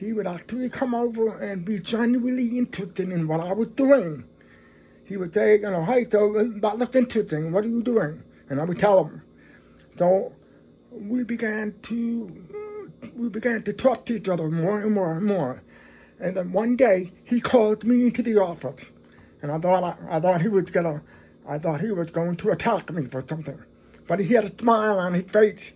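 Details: Adult man who is deaf and describes his own speech as a deaf voice; deaf speech.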